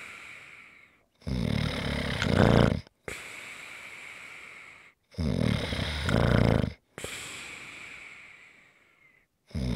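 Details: ASMR snoring recording: loud, rough snores on each breath in, about 13 breaths a minute, with quieter breathing out between them; snoring.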